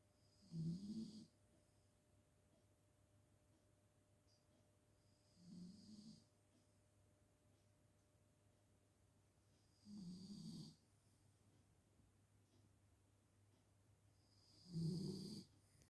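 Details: Sleeping female, possibly dreaming, snoring: four low rumbling snores with quiet gaps, about one every five seconds (roughly 13 a minute), faint steady room hum.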